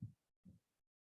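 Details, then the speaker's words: Normal heart sounds in a lecture: a single lub-dub of two short, low thumps, the first louder, explained as made by the heart valves closing, not opening. "so when you shut when you open a door you will never hear a sound but when you close it you will hear the sound right so similarly here the sort sounds are mostly crea are created by when the valves are shut down or closed not while opening"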